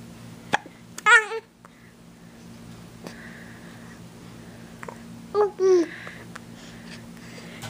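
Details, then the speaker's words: 9-week-old baby boy, wiggly and smiley just after a bath: two short voiced sounds about four seconds apart over steady room hum; infant hiccups. "Oh, he's having issues. Really? Oh. Hiccup."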